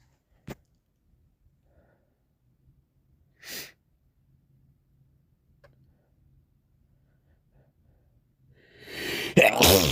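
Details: Morning sneezing with a runny nose: a few faint sniffs in a quiet room, then one loud, forceful sneeze burst at the end.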